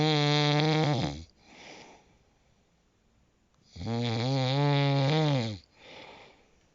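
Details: Snoring, tagged with sleep apnea: two loud, rattling, tonal snores on breathing in, each followed by a softer breath out, at about 16 breaths a minute.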